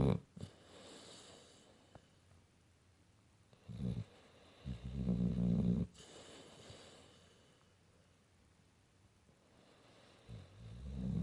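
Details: Snoring in a sleeping pit bull dog, sound not enhanced: a few deep, rattling snores of a couple of seconds each, separated by soft breathing, in a quiet room.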